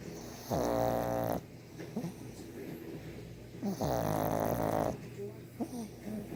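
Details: A 1½-year-old brindle pug asleep: two loud, rough snoring breaths with quieter snuffling between them.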